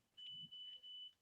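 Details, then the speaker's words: iCare HOME rebound tonometer used at home to measure intraocular pressure during a glaucoma webinar demonstration: faint high-pitched beeps over quiet room noise, each beep recording one of six measurements; the patient felt nothing. "each of the little little beeps you can hear is it recording the measurement"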